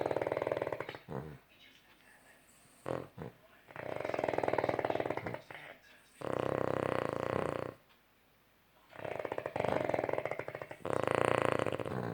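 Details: A dog with loud, rattling snores on each in-breath, about four in twelve seconds, with quiet pauses between; ordinary heavy dog snoring.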